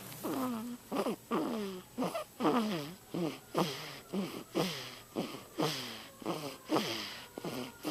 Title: Snoring.mp4